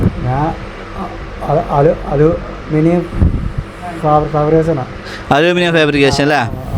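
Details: Young man with a slight stutter, said to have worsened after he stopped talking out of fear of mockery; hearing unaffected; stuttering.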